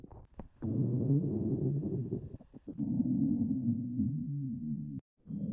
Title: stomach growling